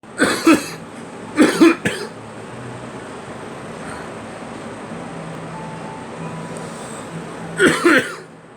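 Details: Three bouts of harsh coughing, each with two quick bursts, over a steady background hum.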